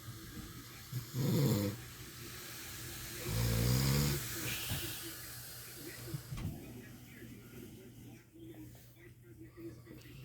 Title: My dad snoring